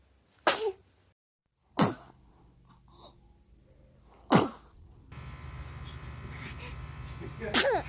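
Several short, sharp infant sneezes, about four, with a quiet gap between them and faint room noise in the later part.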